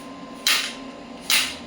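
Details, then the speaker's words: Electromagnetic-type shockwave therapy unit with a heavy-duty metallic handheld applicator, set at frequency 1 and energy 5, firing preset shots (up to 5,000 selectable). Two sharp, loud snapping shots about a second apart over faint room hum. "You can see shock waves are coming and these are the preseted shots."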